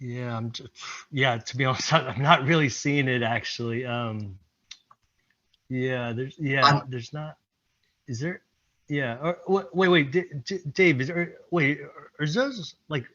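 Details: Stuttering with repetitions in a presenter speaking during an improv presentation at a stuttering-community event.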